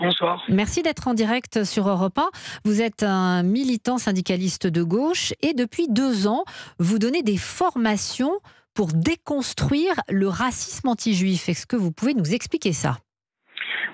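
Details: Adult woman, radio host; Normal speech.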